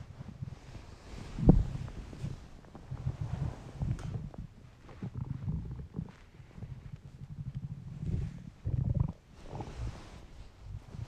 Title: Weird hungry stomach noises